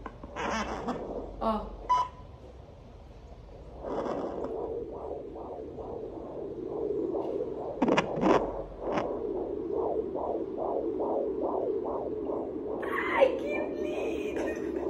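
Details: Fetal heartbeat heard with a fetal Doppler on the mother's belly: fast, regular whooshing pulses about 125–135 beats a minute after some probe scraping.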